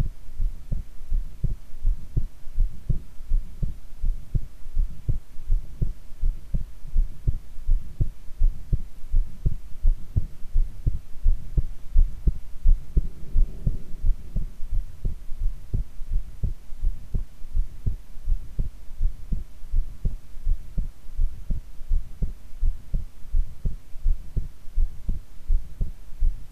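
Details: Normal heart sounds recorded with the subject lying prone: a steady, regular heartbeat at about 83 beats a minute, clear paired lub-dub sounds, no extra noises.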